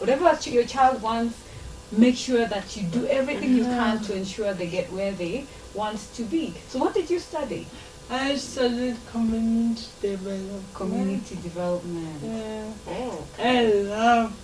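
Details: Dysarthria in a 26-year-old woman with lifelong cerebral palsy, who learned to talk much later than other children; real, not acted.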